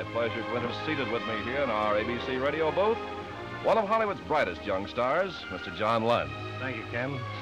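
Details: Adult male announcer; Typical voice.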